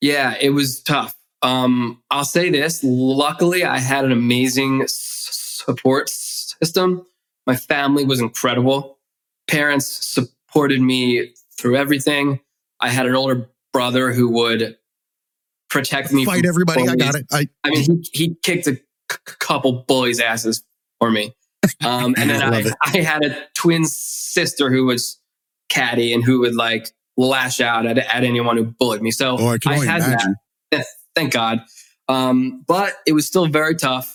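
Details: Adult man who has stuttered since childhood, with audible word repetitions; stuttering.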